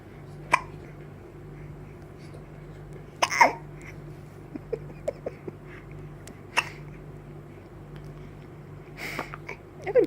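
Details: Several sharp, brief gulping catches at irregular intervals over ten seconds, with faint background talk; a young girl's recurring hiccups, louder than before; hiccups.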